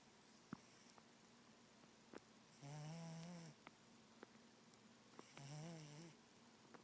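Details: Pet cat asleep: two buzzing, fluttering snores about three seconds apart in a quiet room with faint clicks; ordinary snoring.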